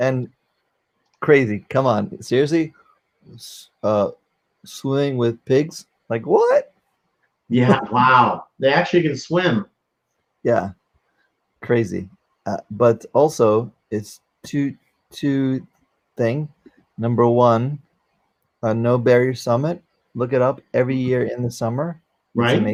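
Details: 44-year-old man, former NYC paramedic, with aphasia from a stroke during valve surgery, unable to use one arm; aphasia.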